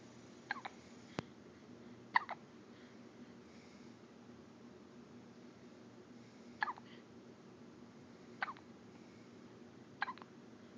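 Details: Hiccups that reportedly occur daily: abrupt brief hiccup sounds, about six over eleven seconds, each a sharp catch over a steady background hiss.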